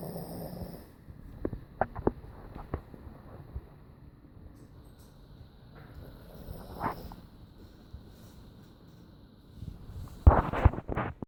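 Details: Snoring that sounds like an old man: soft, low, rumbling snores with occasional snorts and a louder snorting burst at the end.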